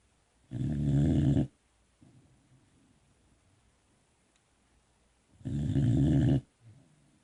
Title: Snoring Boxer pup